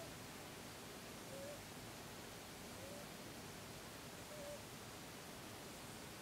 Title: うさぎ ミニレッキス の いびき & 鼻鳴らし Rabbit snore & snort Mini Rex